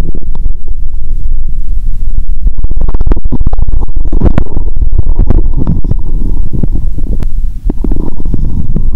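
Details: Own abdomen heard through the recorder's first stethoscope after fasting over 15 hours: loud continuous low rumbling with frequent irregular gurgles and pops, active bowel sounds.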